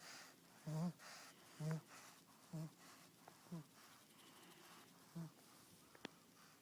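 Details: Sleeping fat pug: regular low snorting snores, about five in six seconds; noisy breathing through a narrowed upper airway; snoring.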